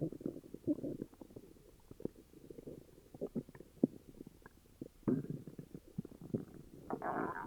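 Continuous bubbling and gurgling stomach noises with irregular pops and rumbles; active bowel sounds with an upset stomach.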